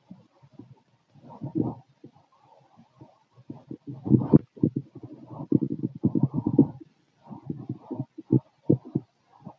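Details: Stethoscope auscultation of the abdomen: growling stomach noise, bowel sounds (borborygmi).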